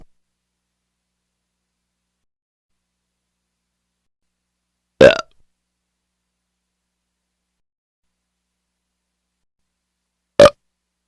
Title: Hyena (burps)